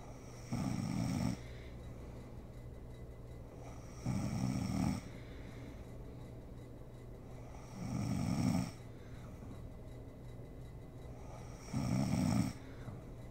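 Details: Sleeping mother snoring: slow, regular rattling snores on each in-breath, roughly 16 breaths a minute, over a steady room hum.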